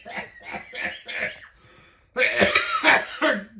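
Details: A dad coughing while his child tries to make him sneeze: a run of four short coughs, a brief pause, then laughter with more coughing mixed in.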